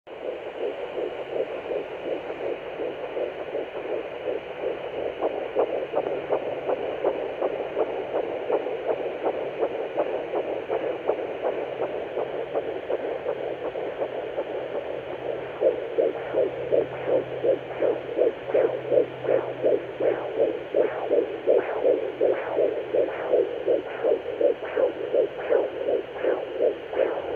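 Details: Normal early fetal heartbeat at 10 weeks 2 days on a Sonoline B fetal Doppler: rapid, regular whooshing pulses at about 162 a minute.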